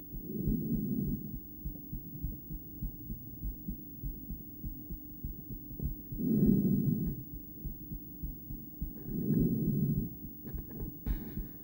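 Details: Female's own heart via stethoscope during breathplay (breath-holding): muffled beats under loud, slow breathing, coming in uneven pairs with one long pause; intermittent bigeminal rhythm, poor stethoscope placement.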